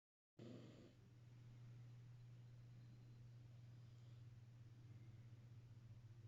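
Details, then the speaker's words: Pet named Quinny snoring while asleep, tuckered out: steady low rumbling breath noise with rhythmic fluttering quality, faint room hum underneath; snoring. "Hmm. I caught you snoring, buddy. Oh, he's wake snoring. He's so tuckered out."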